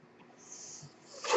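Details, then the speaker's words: Airflow of the speaker's own mechanical ventilator during a podcast recording: a soft, steady airy hiss builds into a louder rushing puff at the end as a breath is delivered. "Hello everyone, my name is. That noise you're hearing is my ventilator."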